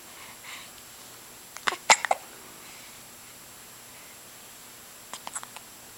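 Short, sharp, clicking catches come in two quick clusters in a quiet room, fitting hiccups.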